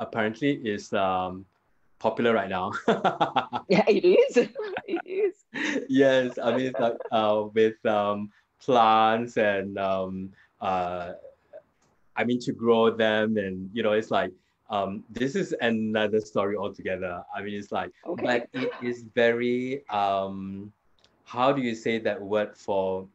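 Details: Adult man with aphasia after a haemorrhagic stroke 2 years earlier; severe at onset, unable to talk in the first week, improved with hospital speech therapy; still has word-finding difficulty with seldom-used words; hesitant speech with fillers.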